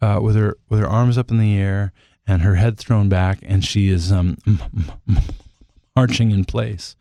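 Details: Adult male singer who stutters, says he has become more fluent with age, and has a cold during this interview; stuttering.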